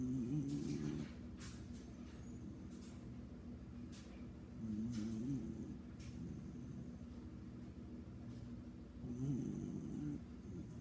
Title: Snoring beagle